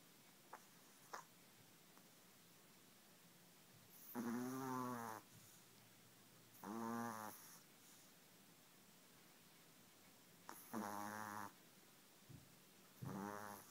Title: My dog is snoring in his sleep. Just so funny.